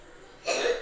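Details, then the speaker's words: Sick young boy at home in the dining room gives a single short cough burst after a quiet stretch; cough. "entendez il tousse le petit loulou"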